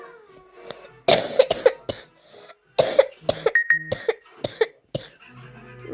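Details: A sick child coughs in repeated short bursts, in two bouts, with faint music in the background.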